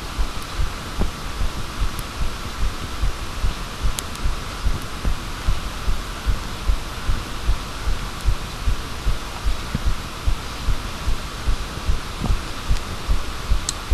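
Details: Steady, regular low thumps in paired beats, roughly 75 a minute, under a faint hum; a normal heartbeat recorded with a microphone.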